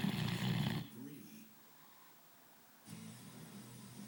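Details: Two low, rumbling snoring breaths separated by a quiet pause during a good sleep; snoring.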